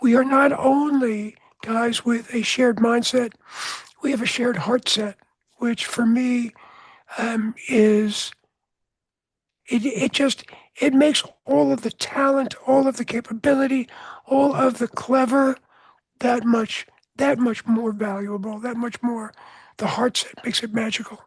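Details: Adult man with voice change after throat cancer treated with surgery, radiation and two years of experimental chemotherapy; voice change after throat cancer treatment.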